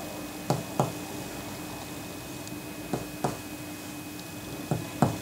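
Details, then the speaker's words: Chest examination tutorial: percussion over the clavicles, lung apices and three points on each side of the anterior chest wall, three pairs of short hollow taps comparing left and right; resonant percussion note. "first you percuss the clavicles without putting your hand in the way like so then the ap's of the lungs and then three points either side of the anterior chest wall like so comparing each side each"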